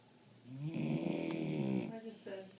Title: Snoring Puppy